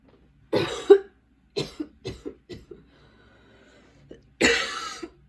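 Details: Person with ongoing coughing fits who plans to ask their doctor for a different medication, recorded while unpacking and getting ready for school: a persistent fit of about eight harsh cough bursts with short pauses.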